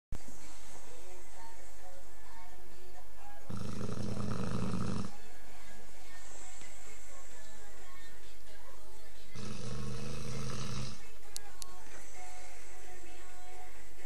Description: snoring bullmastiff, rather quietly compared to most days!